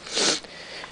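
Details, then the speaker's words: Person with a bad cold, sore throat and headache: one strong, hissing nasal sniff from a stuffy nose. "hi guys um as you can probably already tell by the same my voice and i'll probably keep sniffing all the way through this video i have got quite a bad cold"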